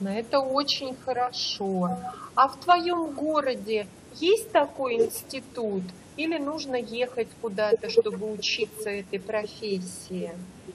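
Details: Adult woman speaking Russian; normal fluent speech.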